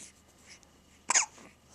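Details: A bottle-feeding baby who hiccups about 10 times a day, often in the middle of the bottle: one sudden, sharp, breathy catch of breath over quiet background; single hiccup.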